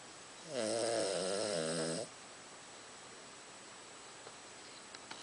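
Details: Snoring during sleep from a pet recently shaved for summer and wearing a jumper: one loud, buzzing, tonal snore lasting about a second and a half, then quiet room noise.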